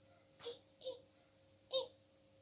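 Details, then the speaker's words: Owner imitating their cat Oscar, whose laryngitis from excessive meowing leaves his meow almost silent: three faint, breathy squeaks, mouth moving with almost no sound. "And I looked down, and it was him standing there, and he's like, his mouth is moving, and there's almost no sound except these little squeaks coming out."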